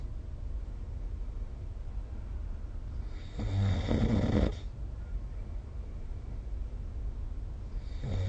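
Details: A sleeping adult gives a low, rattling snore on one breath, the next starting about four seconds later over faint room hiss; snoring recorded with a snore-tracking phone app.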